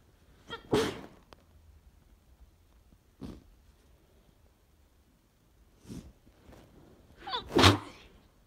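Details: Person on a train with severe hay fever or possibly a cold, deliberately stifling sneezes into tissues; series of about four sharp explosive sneezes, some preceded by a short inward breath: repeated sneezing, allergic rhinitis.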